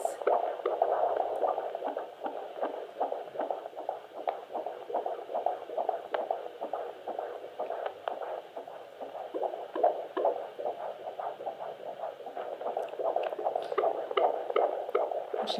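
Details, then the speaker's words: Fetal heartbeat on Doppler at a midwife appointment, 26 weeks into a second, IVF pregnancy: rapid, regular whooshing pulses, about 150 beats a minute, with heart-rate variation noted. "isn't that amazing it never gets old I just oh I just love hearing that heartbe it just makes it feel very real and very very cool"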